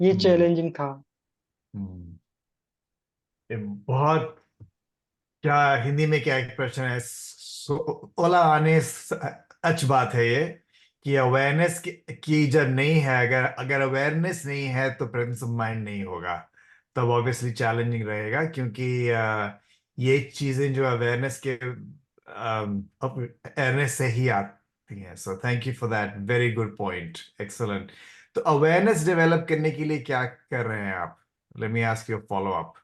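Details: Adult male speaker, Hindi with English; stuttering.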